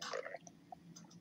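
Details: A brief watery gurgle followed by a few soft bubbling pops: stomach growling (borborygmi).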